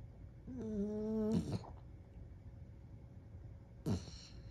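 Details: Small dog sleeping on his back, gently snoring: a drawn-out, whistling nasal snore, then a brief snort a few seconds later.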